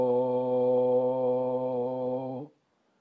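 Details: Sustained loud phonation as an LSVT LOUD exercise by a patient with 5 years of Parkinson's disease in a four-week intensive program to strengthen weakened vocal cords.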